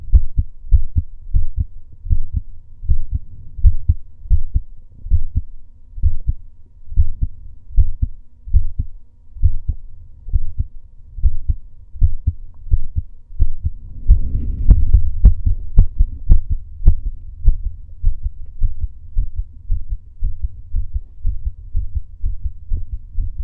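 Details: Normal male heartbeat recorded during breath holds: steady, regular low thumps with a brief rustling burst midway.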